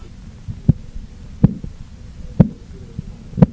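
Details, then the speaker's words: Korotkoff sounds through a stethoscope during manual aneroid sphygmomanometer measurement, cuff deflating about 2–3 mmHg per second: soft tapping beats about one a second over a low hum, first tap marking systolic, disappearance marking diastolic pressure. "Listen carefully through the stethoscope for the first stepping sound. This sound is called the systolic pressure. Keep slowly releasing the air and listen for when the tapping sound disappears."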